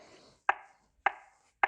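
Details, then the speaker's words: Sharp regular clicks at about 105 a minute from a ZOLL AED 3 BLS metronome pacing chest compressions after a no-shock-advised analysis, in a two-minute CPR countdown demonstration. "start cpr nice beautiful metronome and it starts counting down from two minutes down to zero"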